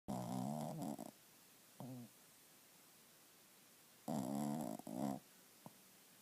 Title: Stella snoring